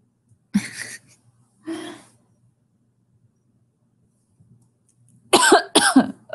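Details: Two single coughs, a pause, then a quick double cough in a quiet room; the livestreamer is sick and thinks it is the flu, with body aches, burning eyes and a raspy voice.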